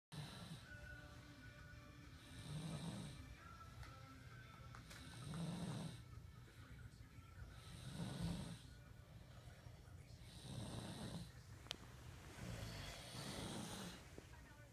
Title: Snoring contest